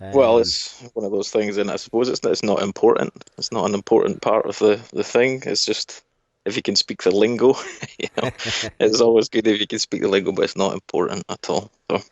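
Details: Adult male speaker; Normal conversational speech.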